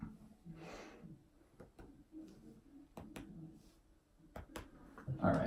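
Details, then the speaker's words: Sharp finger taps percussing a woman's back during a physical assessment produce hollow notes, with good resonance heard throughout: normal resonant percussion over healthy lungs. "great resonance heard all throughout"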